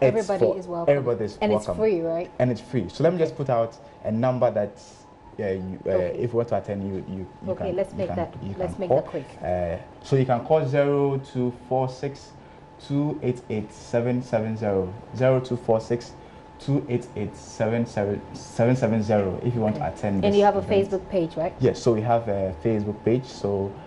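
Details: Adult man who stammers, member of a stammering association, speaking in a televised interview; stuttering.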